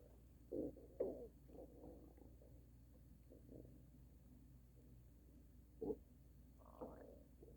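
Low gurgling stomach rumbles in short bursts over a steady low hum; ordinary bowel sounds.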